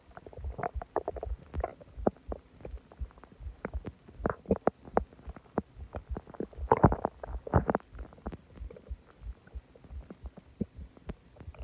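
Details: Borborygmi: loud stomach growling and groaning after eating a lot of food and drinking a soda.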